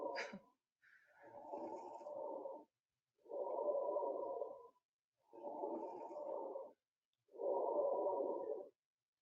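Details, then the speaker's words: Teaching clip for EMT training: repeated breaths with fine, crisp crackling like Rice Krispies; fine crackles demonstrating lung sounds. "the next one this is fine crackles kind of sounds like Rice Krispies"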